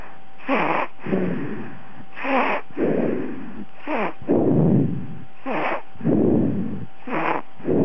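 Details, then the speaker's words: Baby snoring during sleep: rhythmic noisy breathing at about 36 breaths a minute, each breath in carrying a soft fluttering rasp. "Is he snoring? Mm-hmm. He's snoring? Okay."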